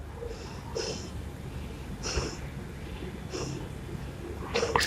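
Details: Lung auscultation demonstration on a patient with a stethoscope: soft, regular breath sounds with quiet room noise; normal breath sounds.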